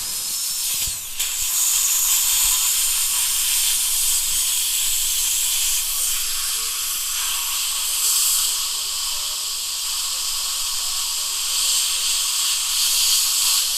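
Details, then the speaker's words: Steady high-pitched hiss and whine of a dental handpiece polishing the occlusal surface to remove stain on broken-down lower teeth 29 and 30 under rubber dam after decay removal. "now we're going to polish the accusal surface we're also going to make sure we get all the stain off"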